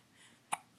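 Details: Baby babbling then getting the hiccups: a single short, sharp catch in the breath, a hiccup.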